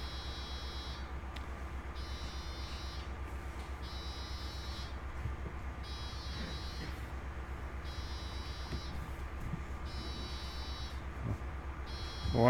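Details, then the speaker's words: Regular electronic beeping in repeated bursts over a steady low hum from a home user's hospital bed alarm, going off during a livestream. "okay and of course my hospital bed Jews is now two alarm"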